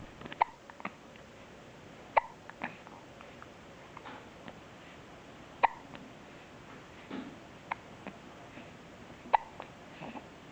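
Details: Highlight reel of a person's hiccups: quiet, sharp, brief catches recurring irregularly, about a dozen over ten seconds, against faint room noise.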